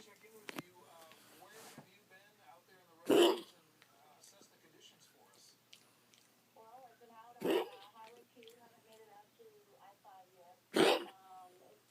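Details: Yorkiepoo with a gagging dry cough of unknown cause that has not improved with vet-prescribed antibiotics and cough medicine: three harsh, dry cough bursts with a gagging quality, over background television talk.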